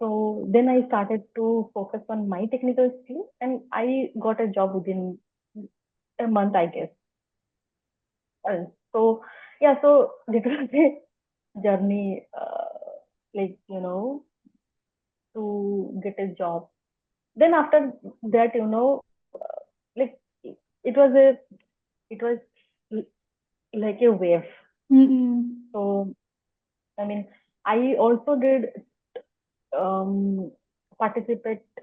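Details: Adult woman who stammers, stammer beginning in early childhood, speaking spontaneously in an interview; stuttering.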